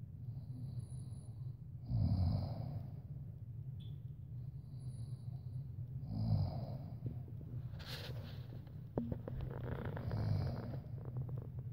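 Low, rough, rattling breath sounds recur about every four seconds, roughly 15 a minute, over steady low room hum; snoring or heavy sleep breathing.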